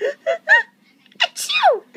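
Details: Child imitating a sneeze: three quick rising 'ah' sounds, a pause, then a sharp breathy 'choo'; imitated sneeze.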